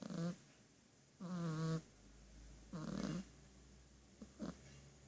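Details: Snoring in a sleeping pet: short buzzing snores on successive breaths, some with a rattly, fluttering quality; snoring.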